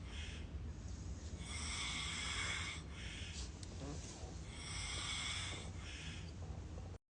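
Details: Snoring during sleep: two long, harsh, rasping breaths with a snorting quality repeat slowly over steady low room hum.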